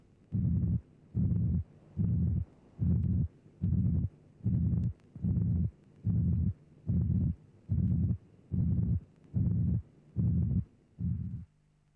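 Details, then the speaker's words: Simulated pansystolic murmur at about 73 a minute: a regular blowing murmur of constant amplitude filling systole and obscuring both heart sounds, with a faint second sound just audible at its end. "The murmur is pansytolic. It is obscuring both heart sounds. Although you may just be able to hear the second sound at the end of the murmur."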